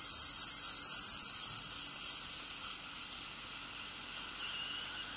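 Continuous high-pitched whine and hiss of an ultrasonic dental scaler running during deep scaling.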